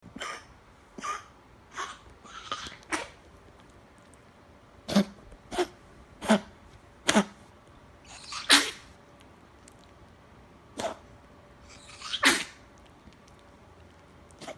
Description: 2 year old rescue Chihuahua / Miniature Pinscher with really bad Kennel Cough